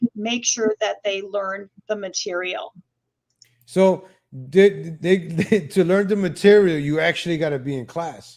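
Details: Mild stuttering in a male host for whom English is a second language; he describes speech impediments of repeating himself, a lag, and stuttering a little.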